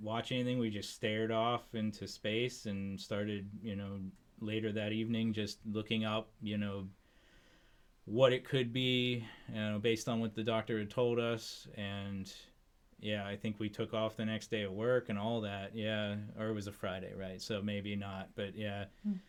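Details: Adult man; ordinary speech.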